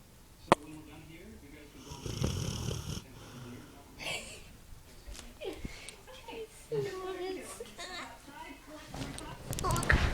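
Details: Sleeping puppy snoring: soft, irregular snores and snuffling breaths with brief whimper-like sounds and faint room noise.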